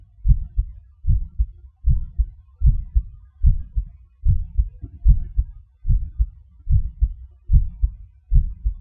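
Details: Heart sounds recorded with gated MRI: steady low heartbeat with paired lub-dub thumps at about 74 beats per minute.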